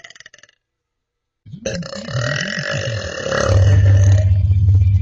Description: mee burping :)